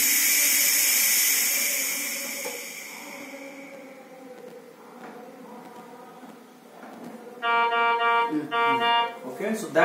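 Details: Oxygen supply failure alarm on a high-end veterinary anaesthetic machine with ventilator, tested after leak tests by switching off the oxygen cylinder: fading machine noise, then a loud, rapidly pulsing electronic alarm tone near the end.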